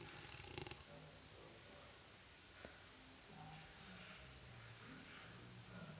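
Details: Slowed-down recording of a sleeping adult man (dad) snoring loudly: deep, drawn-out rumbling breath noise with low droning tones over faint room hiss.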